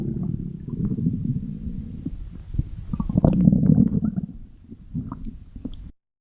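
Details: Loud stomach growling: low gurgling and rumbling from the belly.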